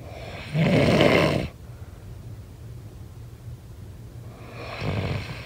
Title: SNORING SOUND